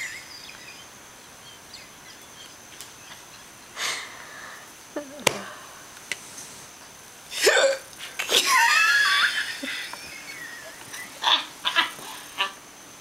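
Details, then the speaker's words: Drunk boyfriend with persistent hiccups he can't stop: a few sharp, abrupt hiccups at irregular intervals, laughter, quiet outdoor background. "I know you think this is funny but I'm trying to stop them but they're not stopping"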